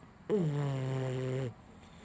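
A single drawn-out, tonal, buzzing snore lasting about a second from a young dog: snoring.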